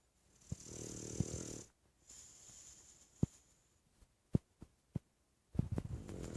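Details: A dog snores with a low, rattling inhale and a softer, whistling exhale before the next snore begins: snoring.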